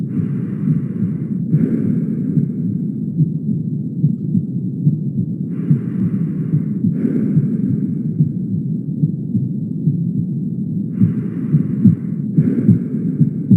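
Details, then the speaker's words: Mitral regurgitation: a holosystolic murmur whose intensity clearly increases when auscultating at the mitral focus. "Es evidente como la intensidad aumenta cuando estamos en el foco respectivo aquí se trata claramente de una patología mitral y como suena en en sístole estaríamos hablando de una insuficiencia mitral"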